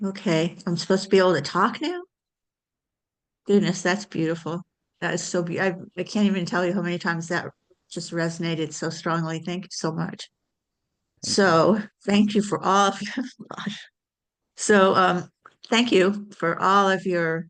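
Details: Adult woman speaking; ordinary speech.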